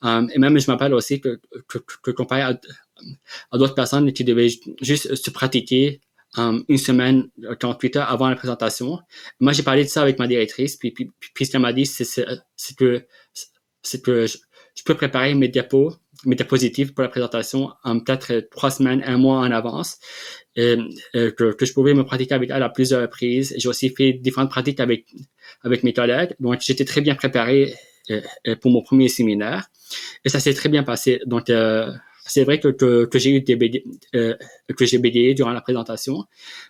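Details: Adult man who has stuttered since childhood and has had speech therapy, speaking French in an interview; stuttering.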